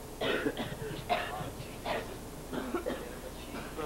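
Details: Adult man's acted, simulated coughing fit at a fast-food counter: several harsh, forced coughs and throat clearing amid room noise and voices. Cough.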